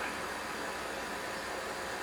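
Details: A CPAP machine for obstructive sleep apnea is plugged in and turned on, giving a steady, soft airflow hiss with no breathing or other sounds.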